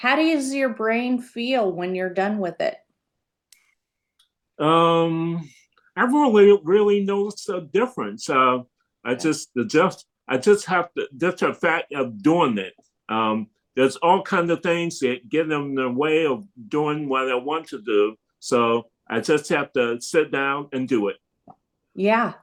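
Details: Adult male stroke survivor with aphasia after stroke; aphasia.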